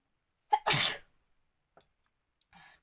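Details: Woman deliberately inducing a sneeze by tickling her nose with a folded sari end; a quick breath in, then one forceful sneeze followed by faint breaths: sneeze.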